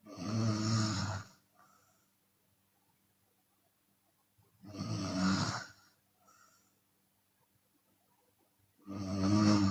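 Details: Loud, rough snores about every four seconds with quiet gaps and a soft exhale between, from a Chinese woman snoring open-mouthed during sleep.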